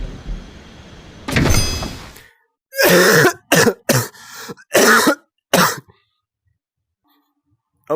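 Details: Adult playing a VR game: a harsh throat clearing followed by a run of several loud coughing bursts, game sounds faint in the background; cough.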